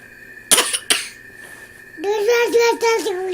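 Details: Voluntary cough: two short, sharp, deliberately faked coughs from a child, followed by a brief high-pitched voiced sound.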